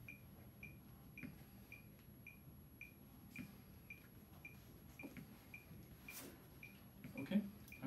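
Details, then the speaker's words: Simulated BLS cardiac arrest training scenario: short regular electronic beeps from a ventilation timer set to 10, cueing one slow breath per tone (about every six seconds) to an unconscious adult patient after arrest; faint room noise. "so if we just dial this down to 10 every time you hear a noise give him a breath okay"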